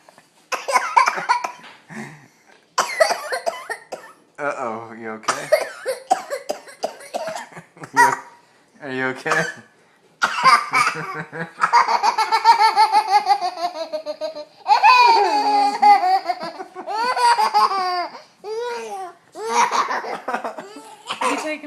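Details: A young son laughs hard in bursts while wrestling with a parent on the couch, then breaks into a run of short coughs; harmless cough after laughter.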